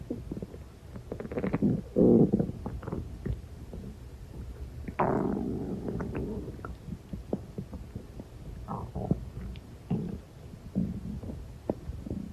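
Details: Stomach growling: gurgling, rumbling bursts of varying pitch with a long growl in the middle, gas and fluid moving through the gut.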